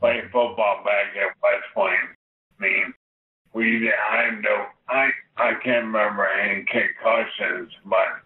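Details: Adult male Army veteran living with ALS (Lou Gehrig's disease), diagnosed in 2015; the speech problem is not named and is inferred from the ALS diagnosis; dysarthria (ALS).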